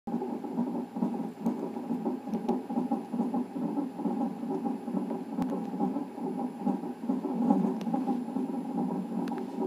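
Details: Non-stress test on a fetal monitor at 39 weeks in a pregnancy with polyhydramnios, done twice weekly: rapid whooshing, galloping fetal heart tones about 140 beats a minute over steady background hiss.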